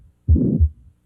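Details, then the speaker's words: Dramatized TV scene: a 32-year-old woman who collapsed with extreme shortness of breath. At the apex, a single heartbeat with a hollow whooshing systolic murmur fills the gap between S1 and S2; mitral regurgitation murmur. "the heart surgeon concurs that it is a mitral regurgitation the mitral valve is like a door in your heart that lets the blood flow only in One Direction but when it does not close tightly it would be like having a leaky faucet this leaking blood is what creates the sound you hear"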